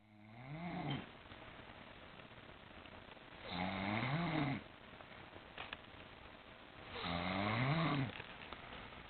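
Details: Adult woman asleep in a chair while watching TV snores loudly: low, buzzing snores on each breath in, about 17 a minute, with quiet room hiss between.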